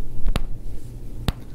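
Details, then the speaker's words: Man's shoulder clicking on movement during a chiropractic exam: two sharp, loud clicks, lingering since an old injury; glenohumeral ligaments damaged by trauma; the other (right) shoulder does not click. "But since then, he's been lingering this click in his shoulder, just real briefly."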